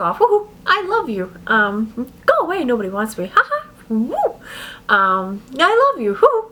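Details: Adult woman with adult-onset Tourette syndrome, tics beginning six years earlier at age 32, with vocal outbursts occurring between her words; vocal tics (Tourette syndrome).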